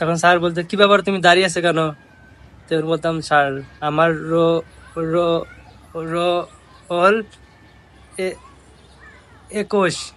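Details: Adult man who says he stuttered in the past and now speaks easily, acting out his former stutter with repetition of a word's first sound; stuttering (imitated).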